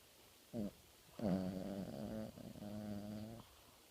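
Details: A family dog snoring while napping, which it does every nap and can get really loud; owner suspects allergies. A brief snort, then a long buzzing, fluttering breath with a pitched drone.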